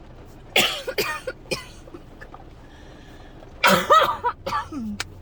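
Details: Adult who woke up coughing and is getting sick coughs in two harsh, dry clusters of short bursts, with a brief groan between them: dry coughing fit.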